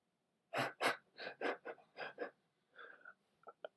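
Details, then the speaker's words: Pet dog makes rapid, irregular noisy breathing bursts with a few short whistling tones in the background; owner says he is wheezing: wheezing. "you can hear my dog in the background but he's just like making all sorts of noises my goodness he's wheezing"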